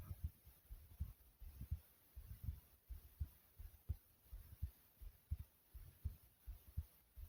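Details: Person's own heartbeat recorded while lying down at rest: soft, steady, regular paired low thumps at about 82 beats per minute, resting heartbeat.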